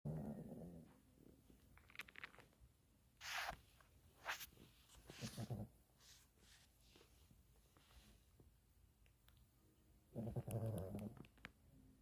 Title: Snoring dog #pomeranian #puppy #dogslife